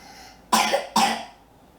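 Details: Two short, harsh cough bursts from a young boy in a quiet room; he had been coughing all the previous night, and a virus is suspected.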